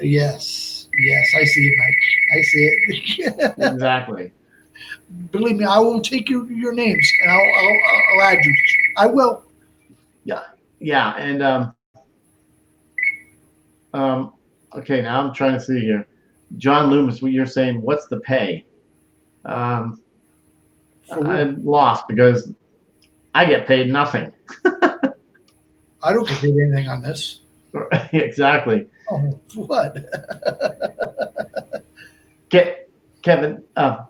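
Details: Adult man, stroke survivor and heart transplant recipient, with Broca's aphasia for over 8 years since a stroke in March 2011; speech limited to short utterances, laborious word-finding, verbs harder than nouns; Broca's aphasia.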